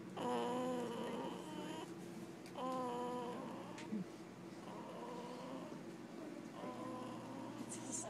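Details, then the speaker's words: A sleeping 3-hour-old newborn boy makes soft, squeaky, voiced snoring noises with each breath over steady room hum. "Is that a baby snore? Yeah, this is snoring."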